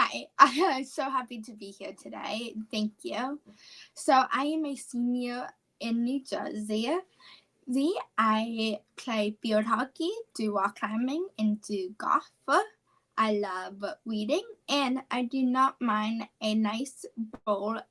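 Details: 17-year-old female high school senior with childhood apraxia of speech, a neurological speech disorder, in speech therapy since about age four, with word-recall difficulty; once only 10% understandable.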